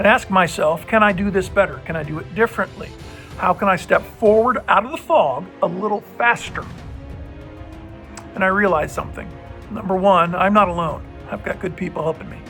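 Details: Adult man with voice change persisting since a puzzling respiratory illness nine months earlier; the infection cleared and he has no trouble breathing, but an uncontrollable spasmic cough remains; the outcome is unknown; finding: dysphonia.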